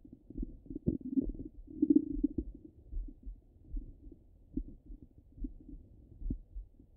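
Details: Active bowel sounds (ordinary stomach rumbling) heard through a stethoscope over the abdomen: irregular low gurgles, rumbles and soft pops.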